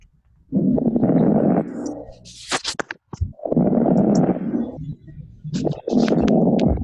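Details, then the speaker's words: Fine crackles (rales) shown as an EMT/paramedic teaching example: rustling breath sounds with brief popping crackles scattered through each breath, described as bubbling from fluid in the airways, linked to early heart failure. "so crack crackles or no a k-rails is also referred to as a like bubbling sound because it's fluid in the passages of your airway and the fluid is bubbling"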